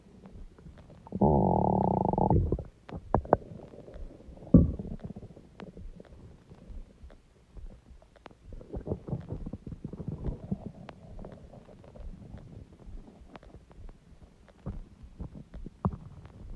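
Loud, long stomach growl followed by gurgling and rumbling bowel sounds; ordinary stomach growling.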